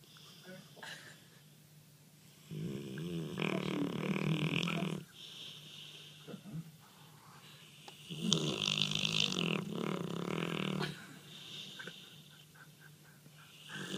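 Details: Dog dreaming and snoring while asleep: two long, loud rattling snores separated by quieter breathing and small whimpering sounds.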